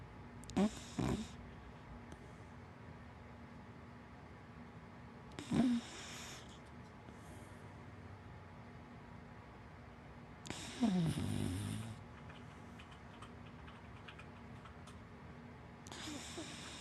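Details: Four soft snorting snores at irregular intervals, about 11 a minute, from a sleeping big black dachshund–black Labrador mix dog over quiet room noise; ordinary dog snoring.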